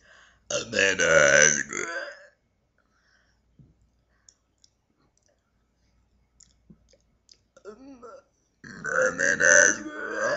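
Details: Two long, loud, deliberate voiced belches separated by quiet clicks and mouth sounds; the person says she can burp sentences.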